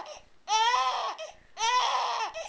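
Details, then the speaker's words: Loud, rhythmic crying in long wails with short catch breaths from an infant boy just after his first bath in a tub, recorded on a Flip Video camcorder; an adult suggests he may be fake crying; infant crying. "all right sorry to do this to you buddy i know you're crying but you look so cute in your little"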